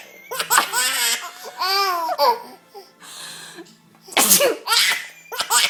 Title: My son laughing at my sneezing